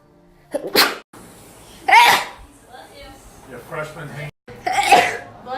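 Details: Three sharp, explosive sneezes, each preceded by a quick intake of breath, over faint background music; ordinary sneezing.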